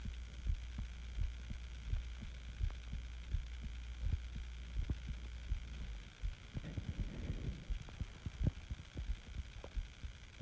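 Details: Steady, regular low thumps of an adult's own heartbeat at about 85 beats a minute, recorded while sick with the flu, over a low hum that gives way to rustling; normal heartbeat.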